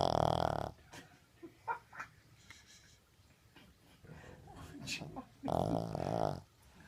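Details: King Charles spaniel sleeping, with loud vibrating snores at the start and end and snuffling breaths between; small dog snoring.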